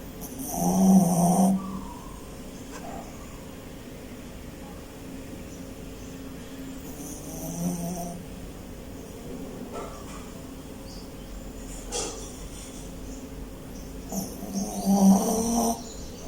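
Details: Sleeping dog snoring: three low rumbling snores with a hissy edge, about seven seconds apart.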